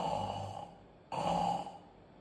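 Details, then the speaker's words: Imitated obstructive sleep apnea: two harsh, strained breath sounds with a brief pause, demonstrating airway collapse when lying down as the jaw shifts back. "this is what exactly happens there is a collapse of the airway"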